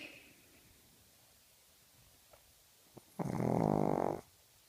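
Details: Sleeping dog snoring: after quiet breathing, one loud, buzzing, rattling snore lasting about a second.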